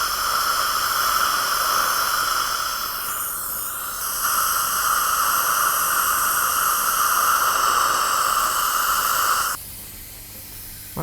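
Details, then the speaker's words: Dental air-water syringe rinsing plaque-disclosing dye off the teeth of a 55-year-old woman with inflamed, bleeding gums: a steady loud hiss of spraying air and water for about nine seconds, then it stops. "Now I'm going to go ahead and rinse this off a little"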